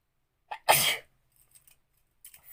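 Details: Sneezing challenge: a quick breath in, then one loud explosive sneeze deliberately provoked with pepper, without a handkerchief, followed by faint sniffs and rustling.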